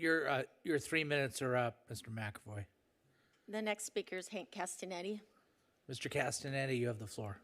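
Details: Adult speaker; normal voice.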